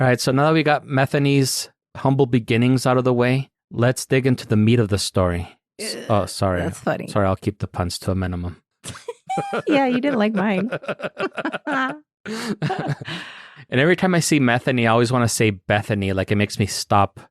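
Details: Adults talking; normal conversational speech.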